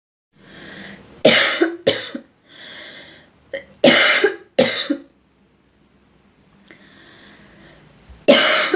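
Several sharp, dry coughs, each preceded by an audible breath in; about six coughs from a girl.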